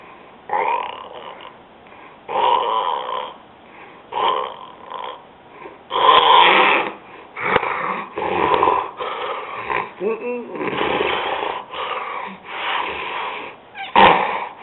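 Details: Male with severe sleep apnea snoring, reaching out in his sleep: repeated rough, rattling breathing noises with some snorting, loud snoring.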